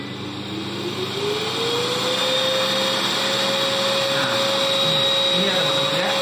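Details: Homemade extraoral aerosol suction unit for dental practice, 600-watt motor: loud steady vacuum roar whose whine rises in pitch as it spins up, then holds.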